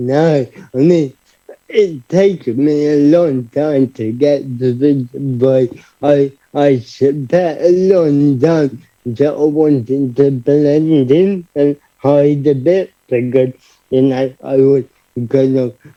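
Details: Adult man, about 30, living with cerebral palsy, who describes his own speech impediment as part of his condition: dysarthria.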